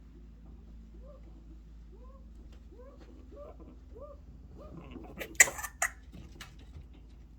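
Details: Dog coughing in a quiet room: a run of faint, squeaky rising whines, then two or three sharp, harsh cough bursts close together.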